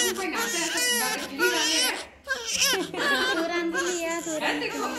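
Strong, high-pitched, sustained crying in repeated bursts with a brief pause; a vigorous newborn cry.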